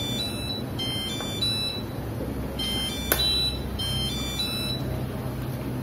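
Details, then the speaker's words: Medin bubble CPAP humidifier alarm: repeating high-pitched electronic tones with a red indicator light, signalling a fault at the heater adaptor, which may be damaged and need replacing. "Ada bunyi, lalu ada warna indikator merah menyala. Ini menginformasikan ada masalah di adaptor."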